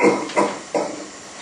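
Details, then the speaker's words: Assisted cough in a man with C4 tetraplegia and left hemidiaphragm paralysis, recovering from pneumonia, lying supine in bed: the helper leans full body weight into the compression and adds a shake at the bottom. "so I'm leaning with all of my body weight over the top of his body and at the bottom of the compression I'm giving him a little bit of a shake which helps to tickle ctions up a little bit further"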